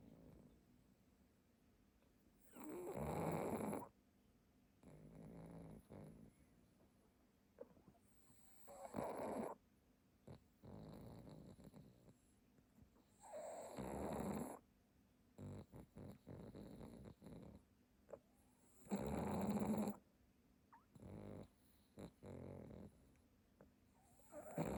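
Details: Pug dog napping on a cushion snores rhythmically, with loud rattling snores about 11 to 12 times a minute.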